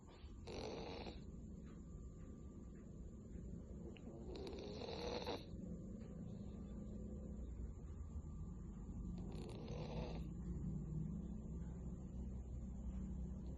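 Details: Three soft snoring breaths from a sleeping cat over a steady low room hum: an ordinary snore.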